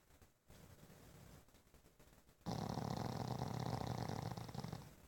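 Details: Pug snoring in sleep: low, rattling, snort-like snoring from a small dog, growing louder partway through.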